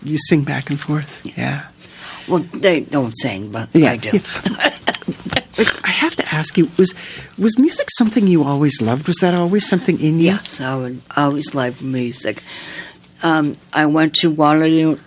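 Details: Adult interviewer in conversation, with a second speaker answering; typical speech.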